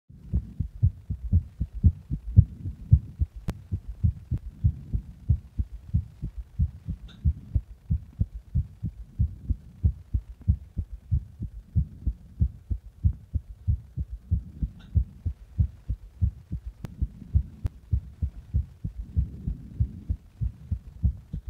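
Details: Own adult heartbeat recorded after pressing on the chest: steady, muffled low thumps with no clear extra sounds.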